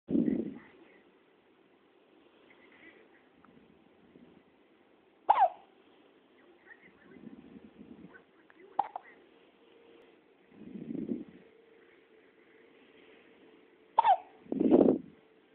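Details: Several short, sharp voiced catches at irregular intervals, with quieter breathing between them; hiccups.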